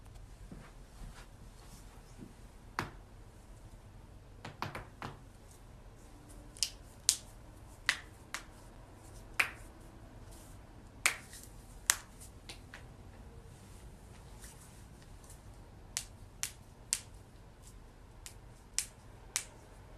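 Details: A string of sharp, dry pops and clicks from a loud back crack; joint cracking.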